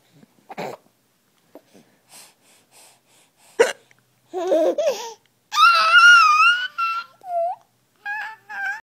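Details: Several short, sharp hiccups from a mother, followed by bursts of laughter from her 5-month-old baby son; ordinary hiccups.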